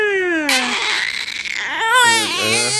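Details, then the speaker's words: Infant girl crying after a bowel movement: a clear wail falling in pitch, a harsh breathy stretch, then renewed, lower, fuller, more adult-like cries. "See, listen to the cry now. Different cry again. Okay. Okay. Okay. Yeah. More adult cry."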